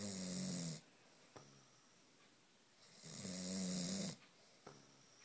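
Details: Loud snoring from a man, said to be heard from at least two floors above: two buzzing, tonal snores on inhalation, each followed by a short puff of breath out.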